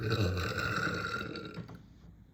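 A long, deep, rumbling belch that fades over about two seconds; a loud burp.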